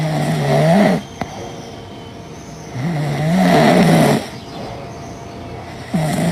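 Loud, rattling, low-pitched snores on breathing in, about every three seconds, with quieter breathing out between them. Snoring.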